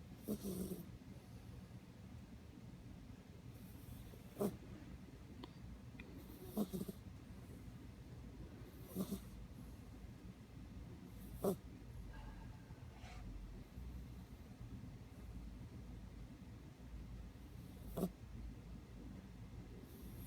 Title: Snoring DustBunny